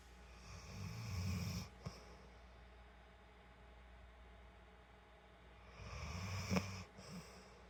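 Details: Shelter animal gently snoring while napping on a couch.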